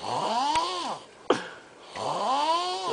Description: Crazy dude Snoring like some unheard of monster from hell....sound kinda like a dying pig.